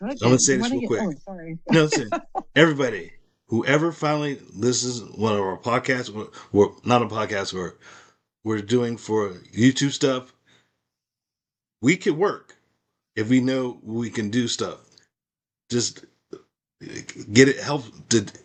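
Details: Adult male with aphasia after a stroke, practising speech as part of his recovery. Finding: aphasia.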